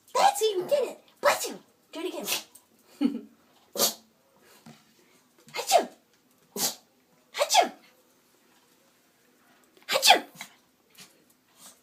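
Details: Yorkie dog sneezing on command: a run of about eight sharp, snorting sneezes with short quiet gaps between them.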